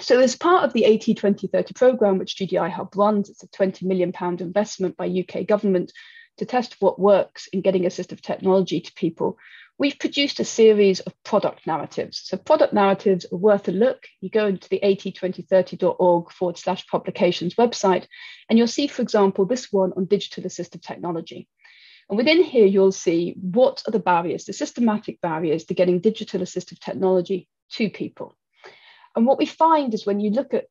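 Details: Adult speaker; typical speech.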